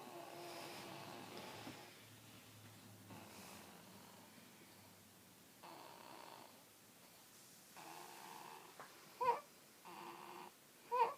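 Soft, irregular rasping breaths in a quiet room, with a couple of brief louder snorts near the end; snoring.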